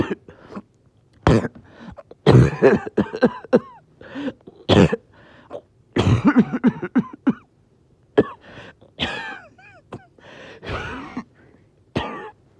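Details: Evening coughing fit: repeated harsh cough bursts with throat clearing and gasping breaths, after oxygen was good all day and then suddenly breathing became hard; sustained coughing fit.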